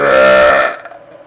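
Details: Person burping, with friends also burping: a single loud, drawn-out, voiced belch lasting under a second and fading at the end.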